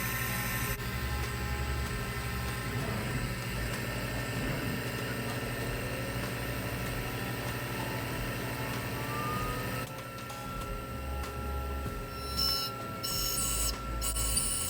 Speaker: 18 minutes later, in high definition, that's going to mill out that block.